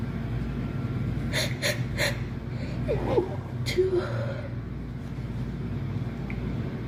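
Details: A girl sneezing: three quick, sharp bursts of air in a row, then a soft catch of breath, in a short series of sneezes over steady road or engine noise.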